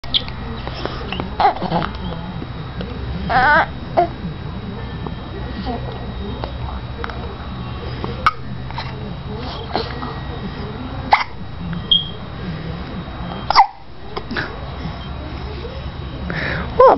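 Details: Hiccups in a 5-month-old infant: brief, abrupt little catches of breath recurring every few seconds, amid soft fussing and room noise.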